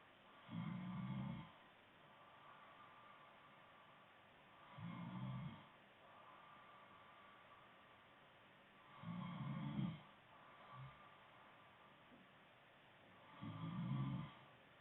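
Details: Low, rough, rumbling snores on each breath in, about 14 a minute, over a faint steady background hum; a woman snoring.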